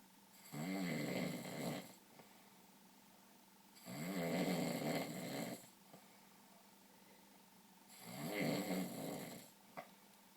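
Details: Adult sleeping at night, snoring: three loud rattling inhaled snores about four seconds apart, roughly 16 breaths a minute, quiet between.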